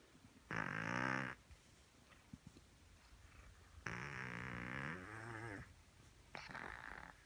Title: Snoring cat